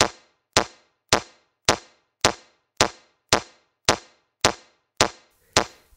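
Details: Mindray C-series AED in a training demonstration, after analysis with no shock advised, prompting CPR of 30 compressions and two rescue breaths: crisp, regular metronome clacks at about 105–110 per minute guiding chest compressions.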